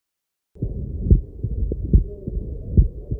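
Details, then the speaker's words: Mitral stenosis heart sounds at about 71 a minute with a low rumbling diastolic murmur, best heard at the apex (fifth intercostal space), loudest with the patient lying on the left side. Mitral stenosis diastolic murmur. "and you will listen to this murmur whenever the heart is in diastole and it is best heard in the mitral space the fifth intercostal space at the Apex and it is loudest when the patient lies on the left side and you put the death on the mitral part and you listen to a diastolic murmur this is how the murmur sounds like"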